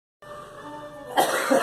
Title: Girl coughing